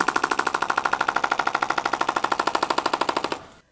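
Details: Fast steady mechanical tapping, about three pulses a second, of a shockwave therapy wand during a live demonstration on the abdomen in pelvic health physical therapy, stopping at the end.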